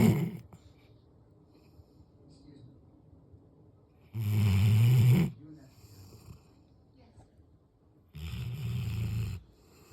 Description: My snoring black lab. He is sleeping on the couch.